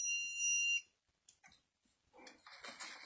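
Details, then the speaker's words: Training demonstration of switching on a defibrillator (AED), which then gives voice prompts in adult mode: a steady high electronic power-on alert tone under a second, then quiet handling noise. "They are really, really easy, and I'll prove it to you. So when you get it back, simply turn it on and just listen to the instructions."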